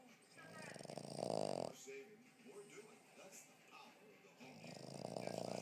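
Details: A sleeping dog snoring: two soft, rumbling snores with quiet breathing noise between them.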